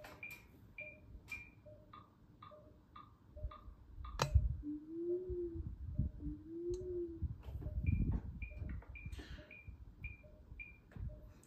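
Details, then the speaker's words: Simulated defibrillator/monitor training interface: CPR metronome set to 30:2 gives regular short beeps pacing chest compressions, a changed tone for the last five compressions, and a distinct tone for the two breaths. "so I've changed that to 30 to 2 and then you'll get the last five compressions that should happen the tone will change for them and then for the two breaths you'll get a different term as well"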